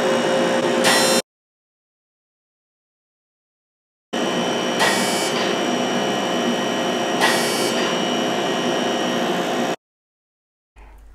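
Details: Non-ablative fractional CO2 laser passing over a woman's forehead, then moving on to her nose. Steady mechanical whirring hum with brief bursts of hissing clicks that cut off abruptly between passes. The patient reports feeling nothing.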